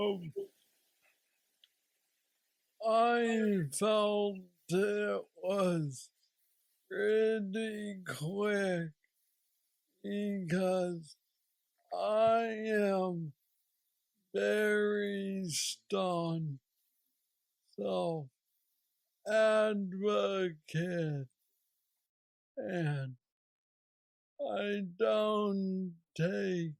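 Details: 46-year-old man with Parkinson's disease diagnosed at 35, about 11 years ago, which he describes as the most aggressive form, with mobility struggles and a deep brain neurostimulator implant; real patient; hypokinetic dysarthria (Parkinsonian speech).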